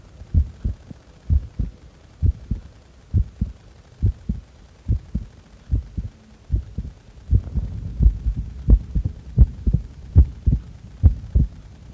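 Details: Heart sounds recorded during breath-holding after inhaling and after exhaling: regular low lub-dub, roughly 80 a minute, with faint breath-hold pauses; normal heart sounds.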